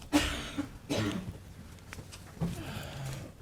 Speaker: I know you're not feeling very well I can hear that coughing